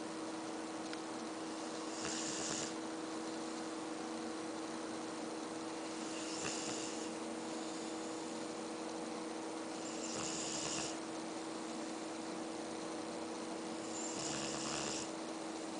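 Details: Soft, breathy snores about every four seconds, roughly 15 a minute, over a steady fan-like hum; snoring.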